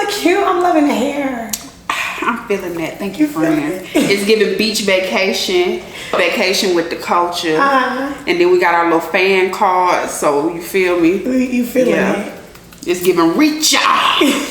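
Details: Adult women talking; normal conversational speech.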